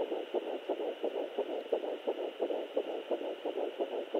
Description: Fetal heartrate at almost 10 weeks.